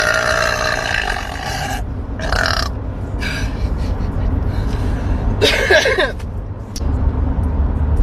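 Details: Woman voluntarily burping: long, deep, rumbling belches over steady background noise, with faint music or voices at times.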